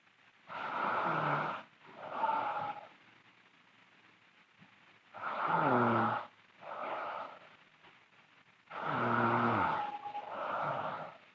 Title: Sleeping Girl Loud Snoring (FGF) Part 6